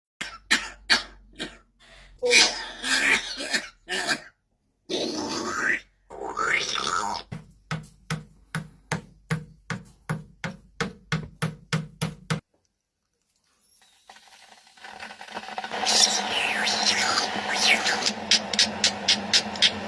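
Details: A parrot mimics a harsh, repetitive human lung-disease cough in rapid bursts to get a cup of tea; imitated cough.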